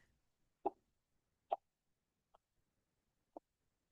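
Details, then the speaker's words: Korotkoff phase IV during blood pressure measurement: four soft tapping beats at about 70 a minute, growing fainter; this muffling marks diastolic pressure in children and pregnant women. "En el cuarto ruido es el mismo que en el tercer ruido, solo que comienza a descender la fuerza, o sea, que el ruido es menos fuerte. Este ruido que se va desvaneciendo nos indica la presión arterial diastólica en niños y mujeres embarazadas."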